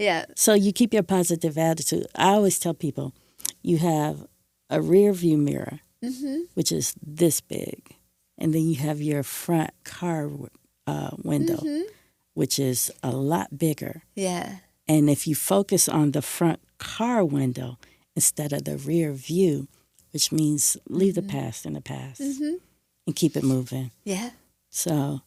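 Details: Adult woman speaking in an interview; Ordinary conversational speech.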